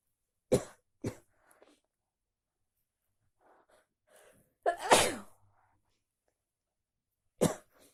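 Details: About four sharp, explosive sneezes separated by quiet pauses, with faint sniffing between them, after a stay in the pool; sneezing.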